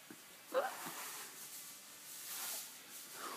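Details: Baby boy with hiccups while seemingly drifting back to sleep: a sudden short catch of breath with fainter softer ones nearby, typical infant hiccups.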